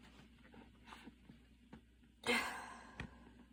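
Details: Adult's evening asthma cough after walking and running outside in the rain, breathing quite intense, inhaler used during the recording.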